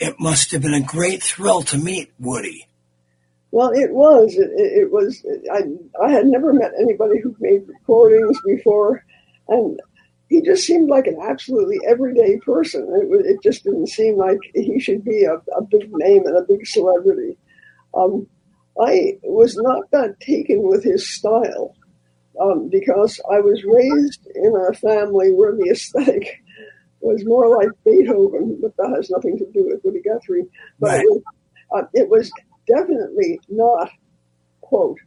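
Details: Elderly former singer who recently lost a vocal cord, not caused by the polio they had in 1948; voice changed from their singing voice; dysphonia after vocal cord loss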